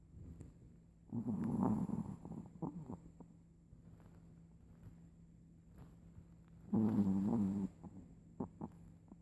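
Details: Snoring during sleep: two soft, rumbling, fluttering breaths about five seconds apart over a faint room hum.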